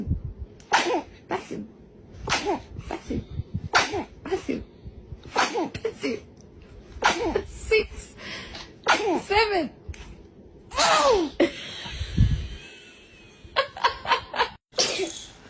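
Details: Baby sneezing: repeated short, sharp sneeze bursts, with adults saying "bless you" between them; ordinary infant sneezing.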